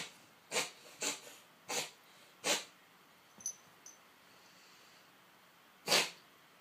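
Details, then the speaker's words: A cat on daily antibiotics for about 3 months makes five short, airy, forceful bursts, a longer but milder episode than usual, occurring 1-3 times a day; owner unsure if cough or reverse sneezing. "oh honey never get this for this long usually he gets this a lot harder and more Fierce like faster and then but it only last like 10 seconds"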